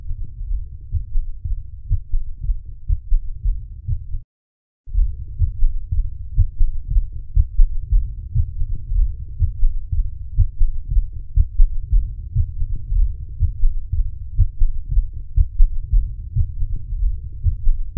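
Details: Congestive heart failure: muffled, rumbling heartbeat near 60 a minute with a continuous murmur-like noise between beats.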